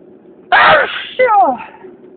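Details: First allergy sneezing attack of spring: two loud sneezes in quick succession, an explosive burst then a voiced follow-through; allergic sneezing.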